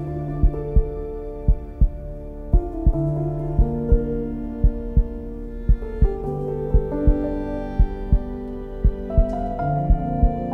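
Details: Heartbeat sound effect within an epic music mix: slow, regular thumps about 57 a minute under sustained music; heartbeat.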